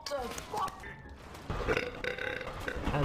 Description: Me just messing around and burping online in counter strike global offensive